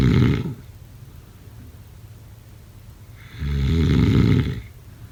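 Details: Snoring.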